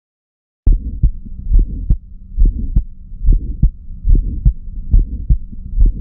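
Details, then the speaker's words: Child's heart: regular heartbeat about 70 a minute with a sharp early systolic ejection click, often mistaken by pediatricians for a split first sound, followed by a soft systolic murmur. "Estamos oyendo, estamos oyendo y algunos pediatras nos mandan, porque esto se oye, eh nos mandan eh la oscutación como desdoblamiento del primer tono."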